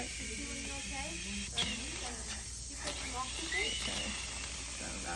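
Steady hissing suction from a catheter being tested before tracheostomy suctioning, with brief talk over it.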